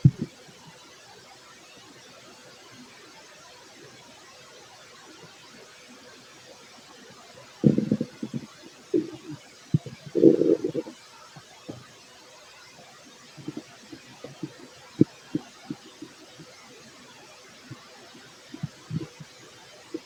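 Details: Fit adult male after a meal of rice and chicken; two bursts of low gurgling from the belly and scattered soft clicks over steady fan-like noise: bowel sounds (borborygmi).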